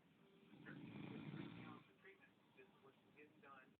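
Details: A man's low rattling snore on a breath in, recorded by his girlfriend, whose quiet voice comments in the background.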